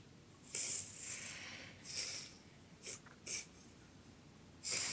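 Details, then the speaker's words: Home video of a girl during a seizure-like episode: eyes rolling, awake but unresponsive while lying down. Her breathing is irregular, noisy and hissing, in uneven bursts with pauses. "she's awake but when she's like that she's not responding to you and her breathing's funny"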